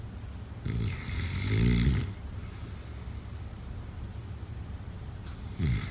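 A rough, rattling snore on the in-breath, then a long pause and the start of another, over low room hum.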